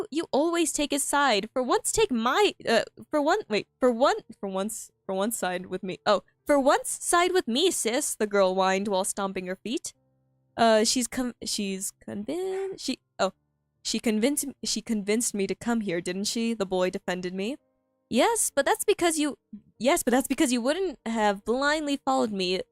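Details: Female streamer who stutters a lot while reading aloud her own story and finds reading difficult; stuttering.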